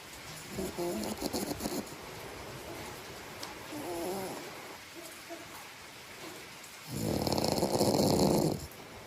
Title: Welcome to listen to my snoring to help you fall asleep👍 #snoring